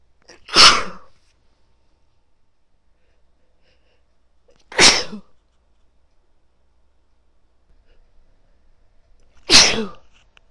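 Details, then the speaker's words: Woman sneezing, part of a long run of sneezes, one described as really wet and big: three loud, sharp sneezes a few seconds apart, each with a short quiet lead-in. "Oh my god, that was really wet. Oh, it felt amazing though. Bless me. That was big."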